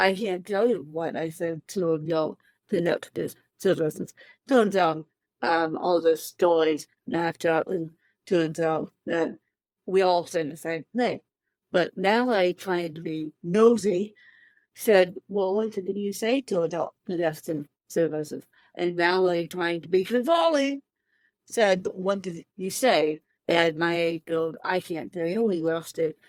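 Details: Adult woman with cerebral palsy since birth, born 13 weeks premature at one pound thirteen ounces, speaking in a real interview; dysarthria (cerebral palsy).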